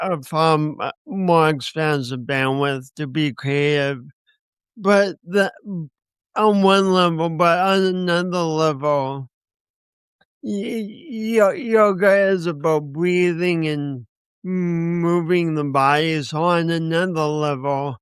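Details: Man with a speech impediment accompanied by coordination issues, which he says he has not overcome; speech impediment.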